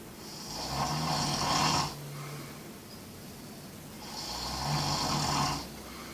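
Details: Snoring recorded in a Camino pilgrim dormitory: two long, rough, rattling snores on breathing in, separated by quiet breathing out.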